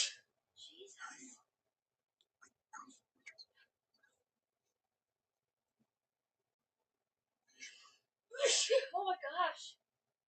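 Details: A woman's sneezing fit, looped edit: several sharp sneezes with breathy intakes and quiet gaps between, plus snorts and exclamations.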